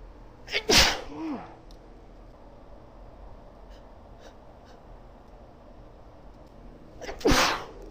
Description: Me sneezing (mostly) into my handkerchief, possibly allergies? I dunno... There was a lot of pollen around that day